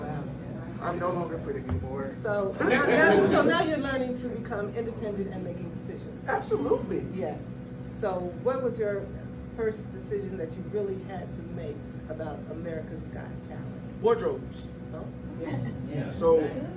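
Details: Adult speakers in conversation; speech.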